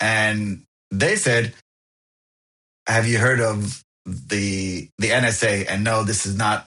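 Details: Adult who stutters and found a stuttering support group at 28, speaking in a podcast interview with audible repetitions; stuttering.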